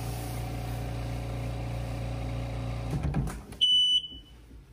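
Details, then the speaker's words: Simulated power outage on a 5-liter home oxygen concentrator by pulling the wall plug: steady machine hum stops abruptly, then a loud high-pitched power-failure alarm sounds. "what I'm going to do next to simulate a power outage so I'm going to pull the cord from the wall and you should hear audible alarm"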